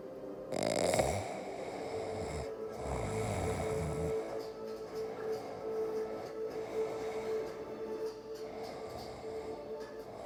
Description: Extracting blackheads from my husband’s face. He fell asleep at the end so there’ll be some snoring sounds included.